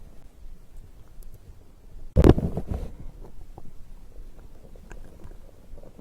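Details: Bowel sounds of digestion recorded after drinking a beverage: low gurgling rumbles with one louder burst of gurgling; ordinary stomach growl.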